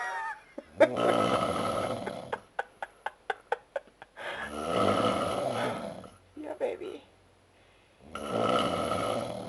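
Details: Adult man's loud, rattling inspiratory snoring after Oktoberfest drinking, with short clicking sounds between snores at about fifteen breaths a minute.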